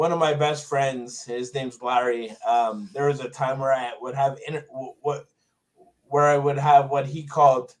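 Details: Adult man with Tourette syndrome, on medications, who developed a significant acquired stutter after a toxic brain injury in 2000 during undergraduate studies; stuttering.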